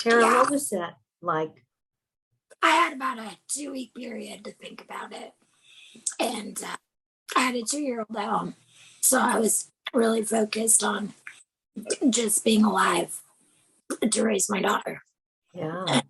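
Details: Woman with no vocal cords after total laryngectomy, using self-taught esophageal speech learned after nine months without talking; esophageal speech after total laryngectomy.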